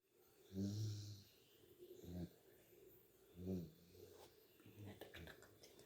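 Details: Soft, low, irregular snoring from a dog sleeping at midday, with faint room noise.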